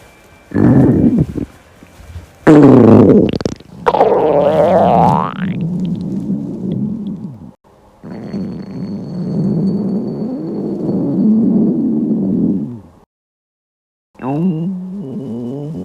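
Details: Dieting girl fasting for a day, stomach growling from hunger: loud, long gurgling and rumbling growls with rising and falling squeaky tones; borborygmi.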